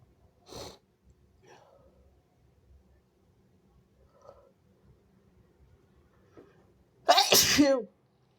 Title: wet sneezes turning messy and snotty (he/they)